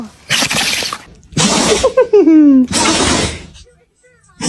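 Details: Dog's strange sneeze: three sharp, noisy sneezing bursts with a high, squeaky whine or odd squeal between them.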